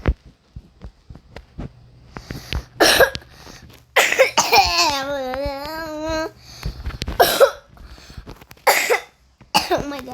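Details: Several sharp coughs mixed with voiced sounds and brief vocalizing, against game sounds in a small room while playing Granny, followed by an apology for the cough.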